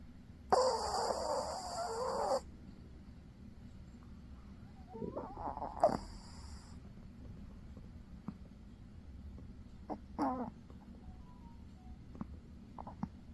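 A sleeping dog's snorts and rattling breaths with squeaky nasal sounds; ordinary snoring in a dog.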